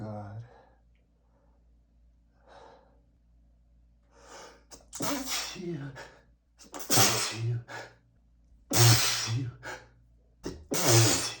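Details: Four loud, explosive sneezes in quick succession with sharp inhalations between, from a male with bad allergies whose medication isn't working; a rapid allergic sneezing fit, barely catching breath between sneezes.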